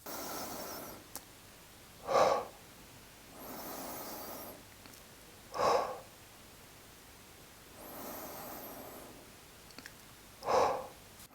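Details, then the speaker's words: Demonstrated autogenic drainage airway-clearance breathing, done sitting upright with hands on the chest and upper abdomen: slow breaths in with louder, sharp small breaths out, repeated to loosen mucus. Lungs may rattle slightly as secretions loosen. "your lungs rattle a little bit, which is a sign that you are loosening the secretions and that the technique is working."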